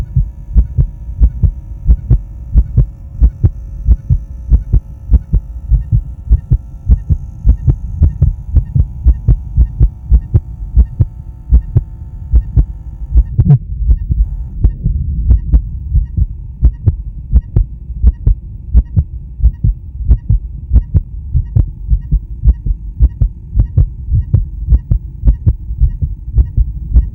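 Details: Adult male heartbeat recorded with blood pressure: steady, regular low thumping with even lub-dub pairs over a faint low hum; normal heartbeat.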